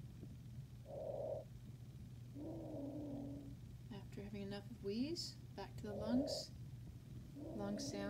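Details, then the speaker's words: Simulated normal breath sounds from a nursing training manikin programmed via SimPad Plus, amplified for video: soft, even rushing breaths with no wheeze or crackles. "lungs lungs sounds up to normal once again this is amplified for video use normal breath sounds"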